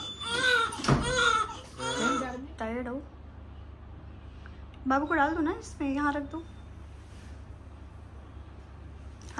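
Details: Short, high, wavering cries in two clusters with pauses, then quiet, from a newborn delivered by C-section being settled in hospital; room sounds behind.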